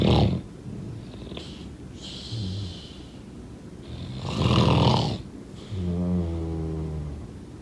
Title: #snoring #snoringsleepingsoundeffect #sleepsounds #snoringsounds #snoringasmr